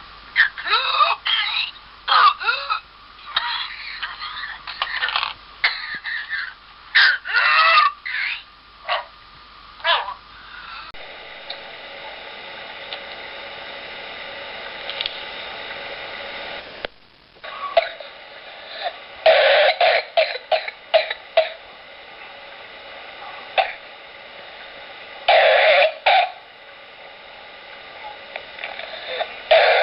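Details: Real patient recording in a pertussis (whooping cough) slideshow: rapid clusters of short coughs in runs separated by a quieter stretch, fitting paroxysmal pertussis cough.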